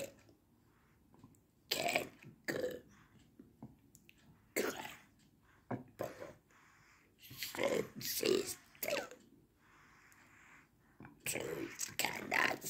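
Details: Man using esophageal voice, in speech therapy since April 2019; esophageal speech.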